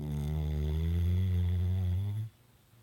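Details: A single long, deep, vibrating snore from a sleeping dog, ending abruptly into quiet; snoring.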